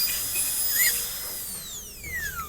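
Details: High-pitched whine of a dental drill, pitch falling as it slows near the end, during a teaching class on maxillary premolar class II amalgam and composite preparations.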